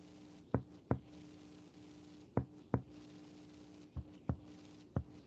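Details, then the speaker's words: Percussion of the spleen along the midaxillary line with the patient in right lateral decubitus: pulmonary resonance changing to splenic dullness between the 9th and 10th intercostal spaces. "Acá encontramos la matidez, entre el 9º y 10º espacio intercostal."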